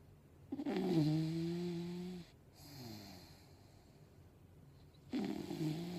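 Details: English Bulldog snoring while asleep and dreaming: loud, low, rattling snores with a quieter breath between them, typical of a short-nosed dog.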